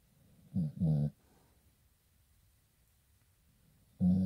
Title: Pitbull snoring like a human